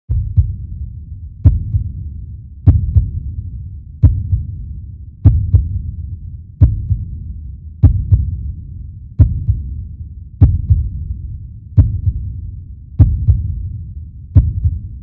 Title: Звук сердцебиения, Sounding heartbeats